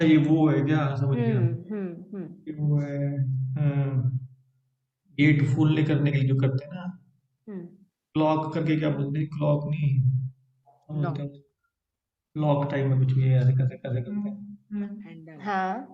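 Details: Aphasia after stroke; Hindi-speaking participant naming pictured objects during an online speech-therapy conversation-practice class, aphasia.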